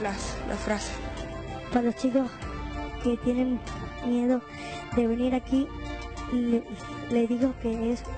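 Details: Child patient of a public stuttering (disfluency) clinic in Tucumán, Argentina, in a self-recorded video; stuttering.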